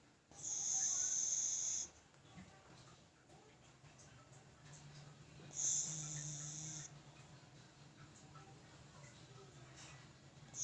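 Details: Sleeping dog: two long, high, hissing whistle-like breaths with softer rumbling breathing between; snoring.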